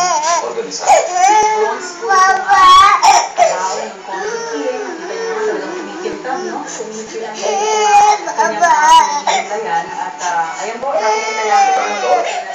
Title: Dolphy makes the baby cry